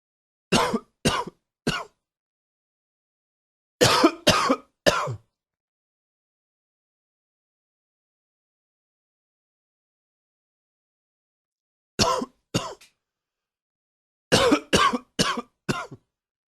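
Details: Adult cough triggered by a tickle: clusters of short, sharp, harder coughs in bursts of two to four, separated by quiet pauses.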